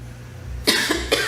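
After a moment of quiet room noise, a quick run of three short, dry coughs comes in close succession: a brief coughing bout.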